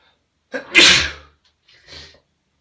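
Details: A man's sneeze, from a recording of four sneezes with nose-blowing: quick in-breath, then a loud explosive sneeze and a softer trailing breath; sneezing.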